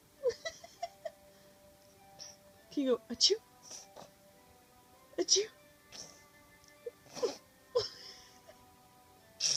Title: Fake sneezing